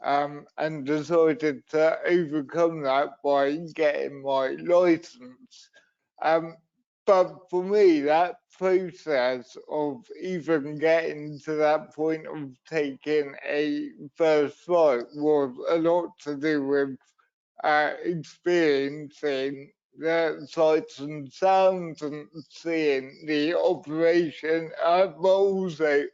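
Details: Adult man with cerebral palsy, a brain injury sustained through an accident at birth, which he says also leaves him wobbly and unsteady on his feet; dysarthria (cerebral palsy).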